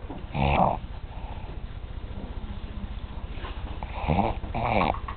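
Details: Sleeping bunkmate snoring: two loud, rough, rattling snores about four seconds apart, with quiet breathing between them.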